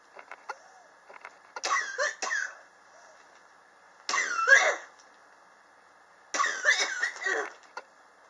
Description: My prolonged cough which started summer of 2016. I am still coughing and its already 2019. Please help me.